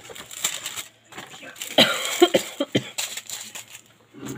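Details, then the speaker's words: Cough: an adult woman gives a few harsh, spaced coughs, each a short burst of air; she says her voice is completely broken and this happens to her nearly every year. "je vais tousser. Et à chaque fois, voilà, je tousse et j'ai la voix mais complètement cassée."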